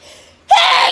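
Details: Autumn hay fever sneezing in an adult: a single very loud, explosive sneeze after a brief quiet moment.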